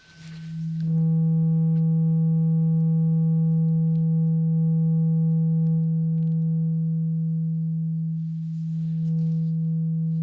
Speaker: I think we took the tuning fork. And I need you to close your eyes. Close your eyes and tell me when the sound stops.